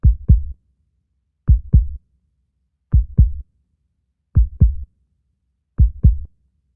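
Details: Clear, deep lub-dub heartbeat in a quiet background, slow and steady at about 42 beats a minute.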